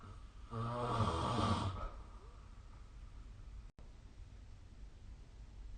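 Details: Sleep snoring recorded with the SnoreLab snoring app: a single loud, rattling snore on a breath in, then quiet breathing in a small room.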